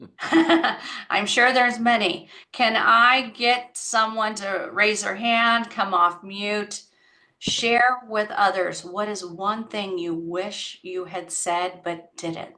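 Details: Adult woman; typical speech.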